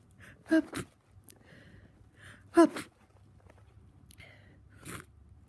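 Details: Person with a bad cold in sneezing fits, over 100 sneezes within about 2 hours; two sharp sneezes each preceded by a quick indrawn breath, then a softer third burst.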